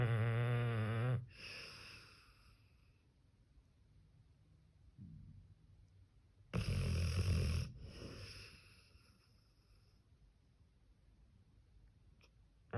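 Two loud, rough snorting breaths about six seconds apart with quiet breathing between, fitting a dog's snoring.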